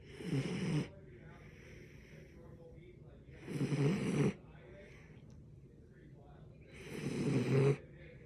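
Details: Rough, fluttering snores about every 3.5 seconds, roughly 17 a minute, with quiet pauses between.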